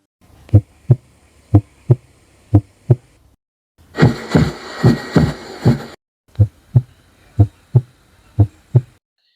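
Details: Cardiovascular exam teaching demonstration, stethoscope auscultation over pulmonic, tricuspid and mitral areas: crisp paired lub-dub beats at about 60 a minute, no extra sounds or murmur; normal heart sounds.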